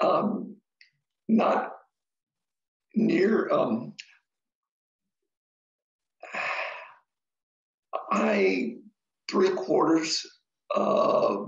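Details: Adult man with aphasia after an ischemic stroke; the stroke was treated with TPA, which then caused a hemorrhagic stroke; his speech is halting with long pauses and sentences take a while; aphasia after stroke.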